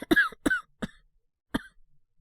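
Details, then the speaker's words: Four short, harsh coughs in a quick run from a male voice actor, acted to portray a cold; the character says he woke up coughing. "俺も、咳込んで起きたんですけど。"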